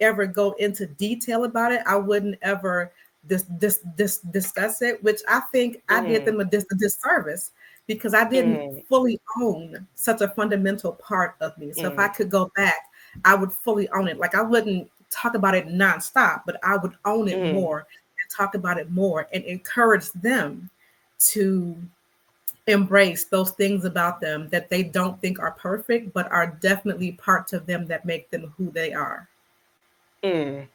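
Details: Adult woman who describes herself as a person who stutters; word and phrase repetitions are heard. Stuttering.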